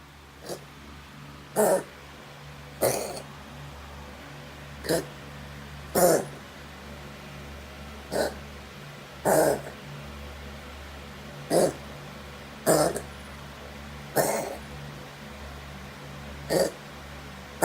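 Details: A cat gives about a dozen short, harsh coughs in a slow, uneven series over a steady low hum; cat coughing.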